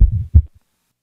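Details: One heartbeat with a soft, low whooshing filling the gap between the first and second heart sounds: an innocent systolic ejection murmur.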